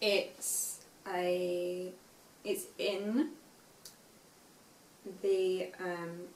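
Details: Aphasia in a young woman five years after a stroke at age 18, reading aloud an unseen text; reading has been hard for her since the stroke.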